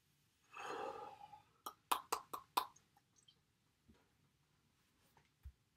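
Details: Self-recorded Tourette syndrome episode with coprolalia, phonic and motor tics: sudden shouted obscenities in Russian and English; phonic tics (Tourette syndrome).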